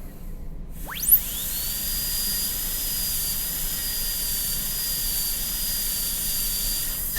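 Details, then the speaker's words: A high-speed dental handpiece spins up to a steady, piercing whine. It is cutting a Class II mesio-occlusal preparation on lower tooth 30 of a typodont in a demonstration, extending the proximal box lingually and facially beside the adjacent tooth. "go lingually, just with the burr right next to the adjacent tooth, just nip out lingually until I get to a point where I think I'm going to have some clearance."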